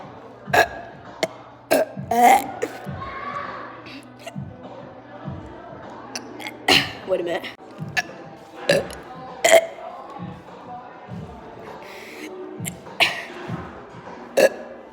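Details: Deliberate burping: a series of short, abrupt burps scattered over background music, with some quiet vocal noises between them.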